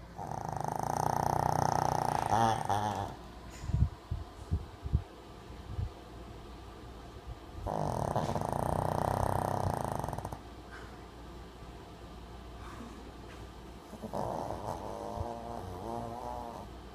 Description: My dog is really snoring really loud.